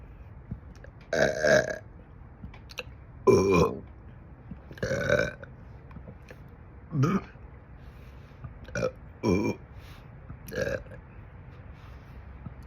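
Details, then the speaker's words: Adult over 50, gassy all the time, with seven loud, drawn-out voiced belches over about thirteen seconds, some deep and throaty from the throat; repeated burping. "You hear that one from my throat? I'm so gassy all the time."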